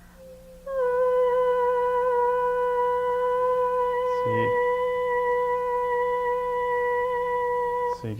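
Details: Young woman with normal-looking vocal folds and a normal mucosal wave on stroboscopy, with a small, normal amount of mucus, sustaining phonation during stroboscopy: normal voice.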